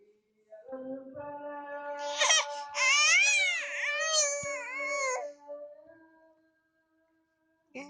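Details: Baby crying in drawn-out, high-pitched wails with rising and falling pitch, fading into quieter whimpers; baby also coughs and picks nose; ordinary infant cry.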